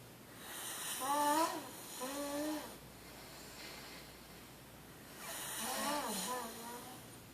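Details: Person snoring: two droning, buzzing breath sounds with a quiet pause between them, in a quiet room.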